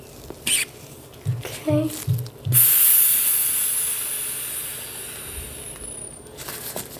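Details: Blood pressure measurement on a young woman's arm during a role-play ASMR cranial nerve exam: a few soft squeezing cuff inflation puffs, then a long fading hiss of deflation.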